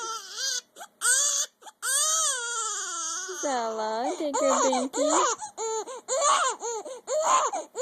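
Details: A baby with hiccups, described as angry, cries in high-pitched, tonal, rising and falling wails with brief pauses for breath, in a small room; infant cry.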